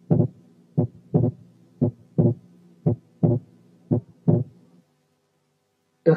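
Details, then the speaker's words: Wide but variable splitting of the second heart sound in right bundle branch block: slow regular heartbeat with a broadened, split S2; quiz example. "رقم تلاتة كان wide but variable splitting of the second sound في حالة right bundle branch block"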